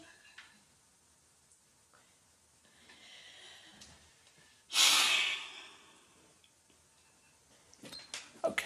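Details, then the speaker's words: Patient sitting up straight, nose piece on, takes a deep breath in and blows out hard and fast into a spirometer. A single sudden strong blast tails off over about a second. One of three attempts, the best of the three, with normal results. "sit up nice and straight deep breath in and hard and fast as you can okay that was excellent"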